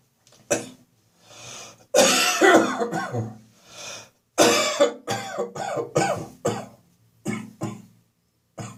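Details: Productive cough with throat clearing from winter morning catarrh in the chest and throat: repeated loose, wet coughs in bursts.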